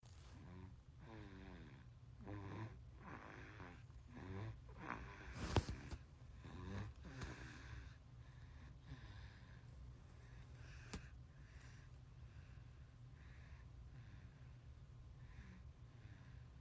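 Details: Sleeping 5-month-old baby: soft snuffly nasal snorting with each breath, fading to quiet breathing.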